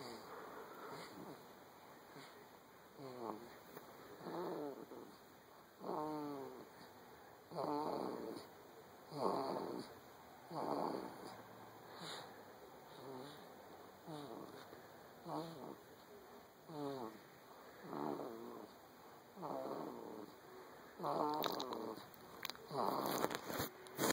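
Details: A sleeping 9-week-old male snores loudly in quick, rattling bursts, one per breath.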